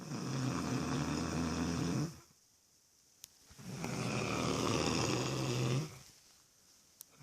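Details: Loud snoring: long, rough snores on breathing in, each about two seconds, with quiet pauses and faint clicks between them.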